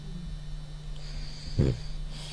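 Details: French Bulldog, a small flat-faced dog: quiet breathing with one short rattling snort-like snore over steady room hum; snoring.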